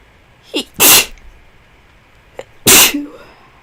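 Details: High-school student with a new cold, sore throat and little sleep sneezes twice: each loud sneeze preceded by a short in-breath; cold-related sneezing.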